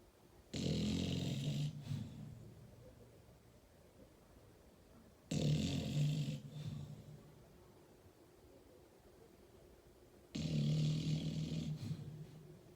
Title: Funny dog snoring , หมานอนโกนเสียงดังเหมือนคน , ຫມານອນໂກນສຽງດັງ